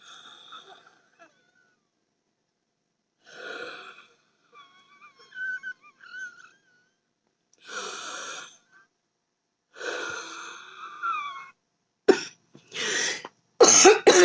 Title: Breathing Troubles: Wheezing